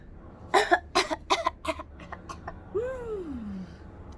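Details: Adult demonstrating for children how not to cough: a run of four or five deliberate, uncovered voluntary coughs, followed by a brief sung note.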